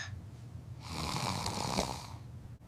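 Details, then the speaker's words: Simulated snoring for a comedy sketch about daddy's snoring: one long, harsh, rattling snore-like breath noise. "He [snorts] is snoring like a big bear. I cannot sleep."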